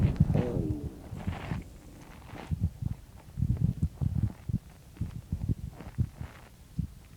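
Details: Morning stomach growling recorded just after waking: soft low gurgling and rumbling bursts with a brief squeal at the start, bowel sounds (borborygmi).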